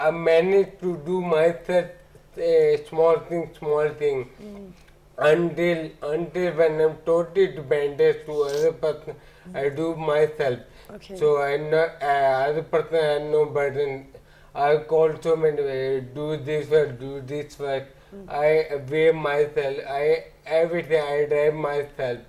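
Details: Ataxic dysarthria in an adult man with ataxia since about 2007, symptoms beginning after marriage.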